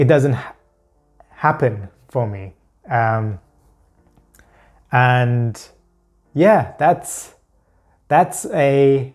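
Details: Adult man who stammers with pure blocks, unable to produce even the first sound of a word, using substitute words to hide blocks; stuttering (blocks).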